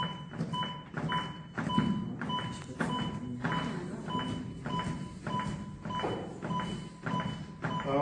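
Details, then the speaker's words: AED training session: after a shock is delivered, chest compressions are started at the centre of the chest, paced by steady electronic beeps at about 100–110 per minute, with rhythmic compression thumps; AED metronome beeps during CPR. "A tam, kde máte stred, ten krížik, tak tam začnete stlačať. A idete. Tak ako vám pípa prístroj."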